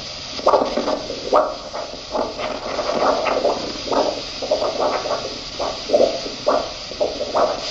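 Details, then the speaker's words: Rhythmic whooshing pulses from a handheld Doppler locating the dorsalis pedis pulse on top of the foot, before inflating the ankle cuff, during an ankle-brachial index in an outpatient wound clinic. "prior to inflating the cuff you want to uh use your Doppler and locate the dorsalis pis pulse"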